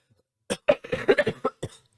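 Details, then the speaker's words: Two adults with Covid cough on purpose at the same time to show they are sick: a quick run of about seven harsh, chesty bursts; afterwards they note voices sound sick, gravelly, blocked nose. Voluntary cough. "we don't either of us look very sick let's both cough at the same time to prove that we're seeing it's dangerous"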